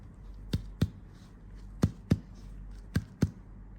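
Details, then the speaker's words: Chest percussion to find heart borders, left middle finger as pleximeter tapped by the right hand, starting at the right heart border: three pairs of finger taps shifting from resonant lung to dull heart. "Di sini kita bisa melihat perubahan suara dari sonor ke redup"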